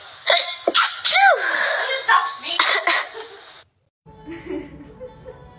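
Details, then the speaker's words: Several quick, sharp sneeze bursts in a row, some small and high-pitched. "How cute and small and petite that sneeze."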